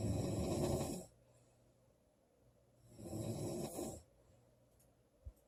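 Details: Girl snoring loudly during sleep: two loud, rough snores on in-breaths about two seconds apart, with quiet pauses between.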